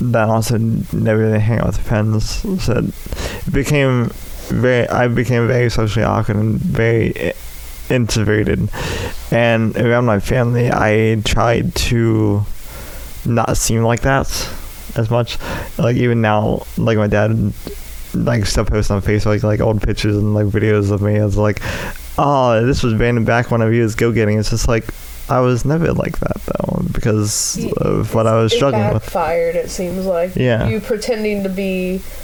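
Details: Adult male with cerebral palsy affecting the right side of his body, which he says causes his speech impediment; speech impairment (cerebral palsy).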